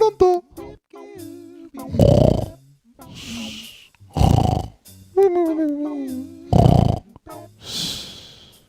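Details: Simulated cartoon snoring sound effect: loud rasping inhaled snores alternating with whistling, tonal exhales, repeated about three times; not a real sleeper; snoring.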